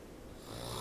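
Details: Snoring presented in a medical program on snoring and sleep apnea, described as loud enough to disturb others and to wake the snorer.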